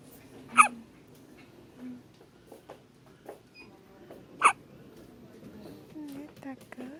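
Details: Elise (labelled 7D) hiccuping nonstop: two sharp hiccups about four seconds apart, with soft voice sounds between them.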